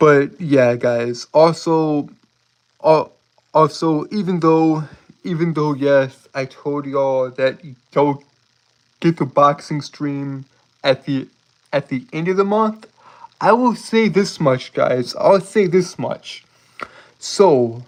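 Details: Male streamer with a self-described speech impediment; speech disfluency (speech impediment).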